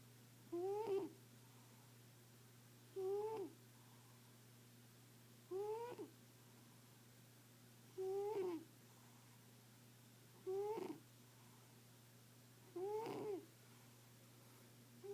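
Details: Female cat snoring in her sleep: soft, regular snores about 24 per minute, each a brief tonal snort over room hum; owner says she's fine.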